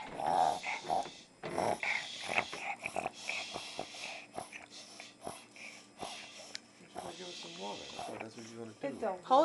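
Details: A dog has a recurring reverse sneezing episode: repeated harsh, snorting inhaled gasps, with people talking nearby.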